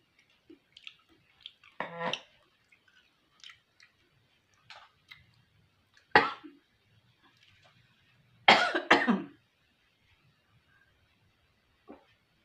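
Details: Scattered eating and mouth sounds while eating beef fat seasoned with chili, garlic, shallot, sugar and tamarind, then a throat clear and a few sharp cough bursts, the loudest a double cough near the end; cough.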